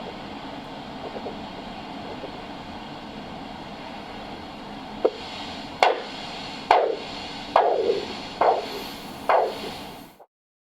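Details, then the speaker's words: Handheld ultrasound Doppler probe placed on the wrist over the radial artery near the base of the thumb during Doppler blood pressure measurement; hiss, then sharp rhythmic whooshing pulses about 70 a minute. "in certain cases you will need to use the radial artery your setup will be the same as performing a brachial artery Doppler blood pressure but you will place the Ultras head at the patient's wrist near the base of the thumb"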